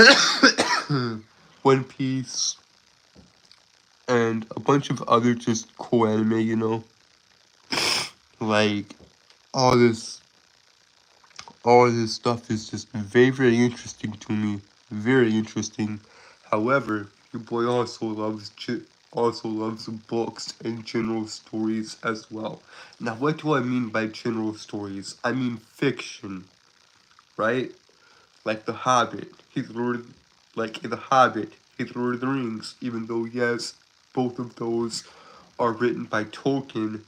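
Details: Adult Southern man who describes himself as a stutterer with a speech impediment, currently sick: stuttering.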